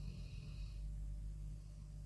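A low, steady rumbling buzz from a sleeping adult in the background, typical of ordinary snoring.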